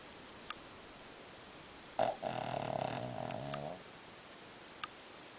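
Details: Sleeping dog snoring in a quiet room: a single soft, buzzing snore lasting under two seconds; the dog wakes up afterward.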